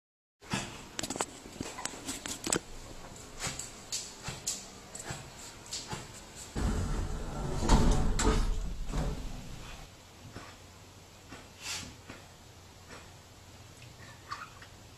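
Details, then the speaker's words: Dog in severe dyspnoea despite heart-failure treatment, mistaken by owner for coughing: rapid, irregular noisy laboured breathing efforts with no true cough bursts. "so the noise that this dog is making is due to a very severe distance this is not coughing which confirms again what we said earlier"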